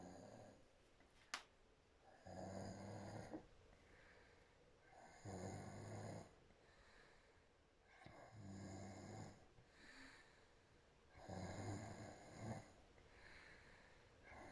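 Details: Woman who fell asleep within 2 minutes, sleeping with her mouth wide open: loud, rough snores on each in-breath, about 20 breaths a minute, with quiet out-breaths between; snoring.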